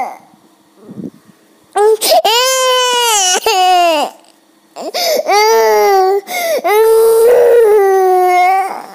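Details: Two-year-old boy crying: loud, sustained wailing cries broken by sharp gasping breaths.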